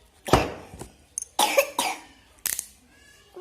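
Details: A sick child's short coughs, about three bursts with a small throat sound between them; child unwell with a cough, taking medicine.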